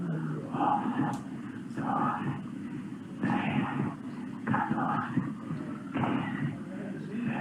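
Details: Patient who claimed to be unable to vocalize; whispered total aphonia that does not match the clinical condition; psychogenic dysphonia.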